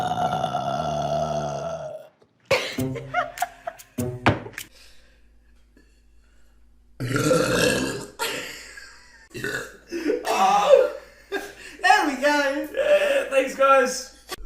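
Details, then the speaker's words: Professional wrestlers burping, one blaming kombucha: a run of loud, drawn-out belches from several men, with brief laughter and background music; burping. "uh oh my God excuse me this kombucha sorry keep going through this pandemic uh oh my God excuse me let one rip uh uh excuse me"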